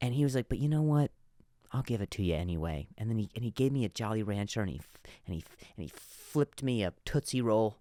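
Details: Stuttering in an adult male comedian, with word repetitions.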